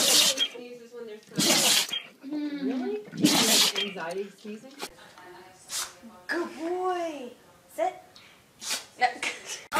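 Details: Dog sneezing: a sudden, explosive sneeze.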